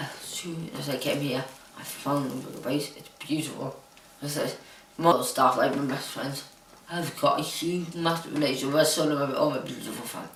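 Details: Adult woman diagnosed with Huntington's disease, living in a supportive care home. Finding: dysarthria in Huntington's disease.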